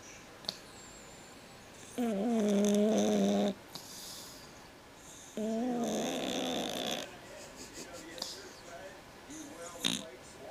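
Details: Sleeping cat snoring very loudly, with long rattling, buzzing bursts between quieter breaths; noisy breathing from a condition the cat had as a newborn, now otherwise fine.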